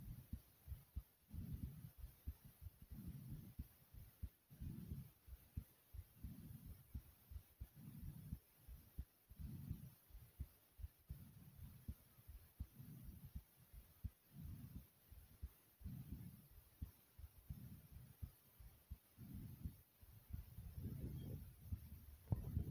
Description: my heart was thumping strongly after some exercise.